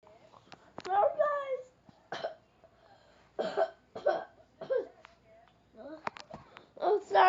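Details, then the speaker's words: Child saying they are coughing a lot: several short, sharp cough bursts mixed with brief vocal sounds in a small room. "I just I'm just coughing a lot."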